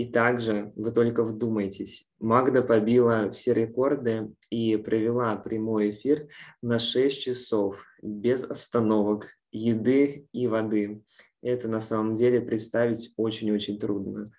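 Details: Adult man speaking Russian; normal speech.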